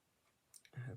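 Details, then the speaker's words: A few soft clicks, then a brief, low, growling gurgle from the speaker's belly in a quiet room during a crafting session: stomach rumbling (borborygmi). "hope y'all didn't hear that. That was my tummy rumbling."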